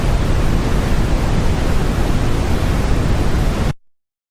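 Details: Simulated noise-like tinnitus: a steady, deep rushing hiss that cuts off abruptly.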